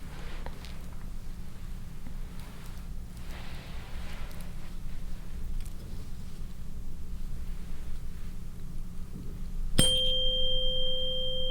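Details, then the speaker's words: Rinne hearing test in a real-person head-to-toe exam: struck tuning fork placed on the mastoid process, then moved near the ear, ringing with a clear sustained pure tone in a quiet room with low hum. "So I'm gonna be placing the tuning fork on your mastoid process and then let me know once you stop hearing the sound and then, I'm gonna be moving it closer to your ear and then again, let me know when you stop hearing it"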